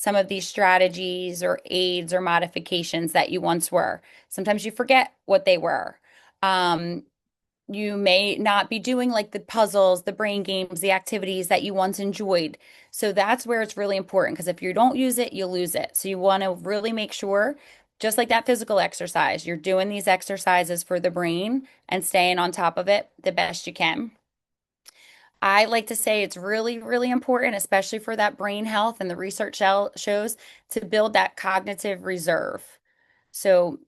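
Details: Adult woman speaking; normal speech.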